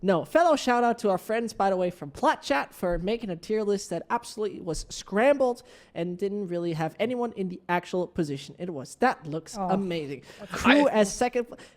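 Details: Adult speaker, likely a woman; normal speech.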